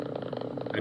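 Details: Needle EMG during muscle activation with reinnervation by collateral sprouting after denervation. Sparse, regular tapping pops from a few firing motor units, possibly with voice over them: a neurogenic recruitment pattern.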